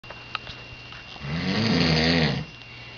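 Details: One loud, low, rattling snore about a second long with a vocal, groaning quality, like talking in snores; snoring during sleep.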